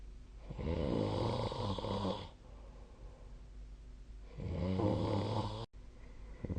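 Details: Snoring during sleep recorded with the SnoreLab app on 2025/03/10: two long, rattling snores with a quiet breath between them in a quiet room.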